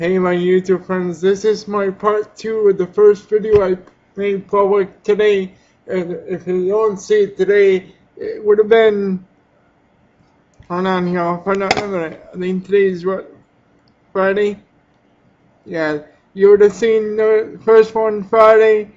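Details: Adult with cerebral palsy who uses a power chair; dysarthria (cerebral palsy).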